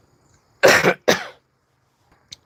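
Two loud, rough coughs from an adult woman with laryngitis that may be progressing toward bronchitis.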